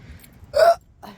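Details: Adult with persistent, uncontrollable hiccup spasms while walking home outdoors; a single sharp, loud hiccup with a brief voiced squeak over quiet background noise.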